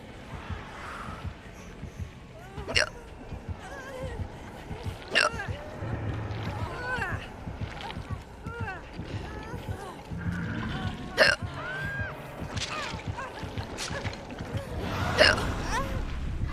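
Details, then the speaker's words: Twitch streamer talking during a live stream, with game music and noise behind, interrupted by several sharp, sudden gulping hiccups; hiccups. "oh my god i have the hiccups and i find out on friday oh my god i find out on friday if i made it to top 2 50."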